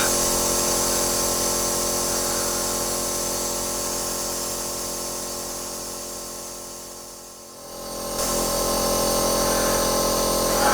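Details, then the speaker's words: Nebulizer compressor delivering 2.5 mg of a bronchodilator to open the lungs, in an adult with bronchiectasis caused by follicular lymphoma and phlegm filling the lower lungs: steady loud buzzing motor hum, briefly dipping then returning. "just adding it to my nebulizer there we go that's our two point five milligrams of that let's put this on but it takes about five minutes"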